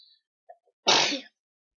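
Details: A brief quiet inhalation, then one sharp, explosive hissing burst: a single sneeze, recorded on a laptop by two young boys.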